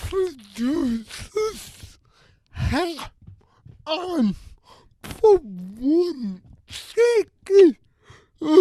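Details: Adult with cerebral palsy who uses a wheelchair and walker and reports a speech disability; his speech is revoiced by another speaker; dysarthria (cerebral palsy).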